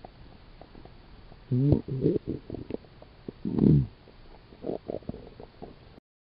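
Irregular low gurgles and rumbling growls in short bursts, ordinary stomach growling from gas and fluid moving through the gut.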